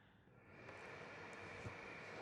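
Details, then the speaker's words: Soft airflow hum rising from quiet and then holding steady as a Philips DreamStation CPAP is switched on with its power button during home set-up. "the first button is a power button when you press that the machine will actually come on"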